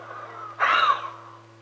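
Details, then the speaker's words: Huff (forced expiration technique) in asthma physiotherapy to loosen mucus, with gentle diaphragmatic breathing between huffs: one strong, open-mouthed, breathy forced exhalation. "now half out your breath now rest and breathe gently again with your diaphram this gives the bronchial tubes time to open up adequately before your next half"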